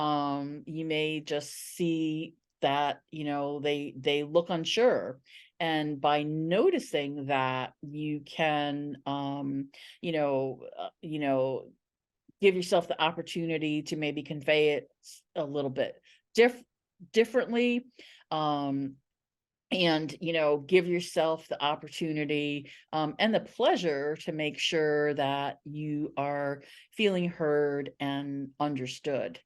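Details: Adult woman who identifies as a person who stutters, a stuttering association member for 17 years; stuttering.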